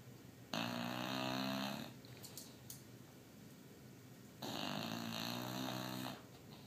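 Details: Bulldog sleeping hard on a couch: two long, loud, harsh snoring breaths about four seconds apart, each with a fluttering rattle through it; loud snoring.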